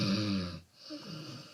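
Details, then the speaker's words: Snoring from a patient recorded during a hospital polysomnography sleep study, played as an example of snoring levels: a loud, rough, rattling snore on inhalation followed by a softer, noisy exhalation; loud snoring. "Je vais vous faire écouter différents niveaux de ronflement qui ont été enregistrés chez des patients qui ont fait comme vous l'examen polysomnographique à l'hôpital et vous allez voir que on peut tout avoir."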